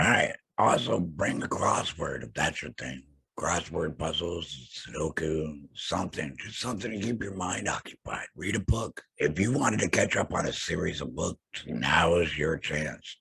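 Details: Alaryngeal speech in an adult man after total laryngectomy for throat cancer, vocal cords removed.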